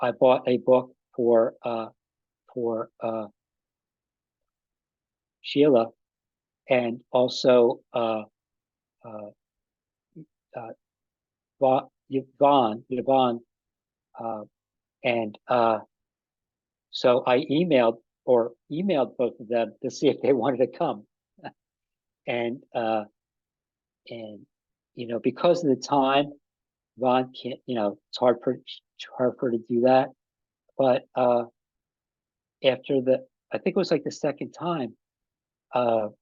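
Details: Adult man with aphasia after an ischemic stroke with a simultaneous heart attack about five and a half years earlier; still has trouble with names and word tenses; aphasia.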